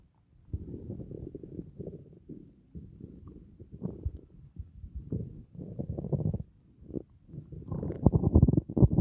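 Low, irregular gurgling and rumbling bursts, louder toward the end: ordinary stomach growling after a meal.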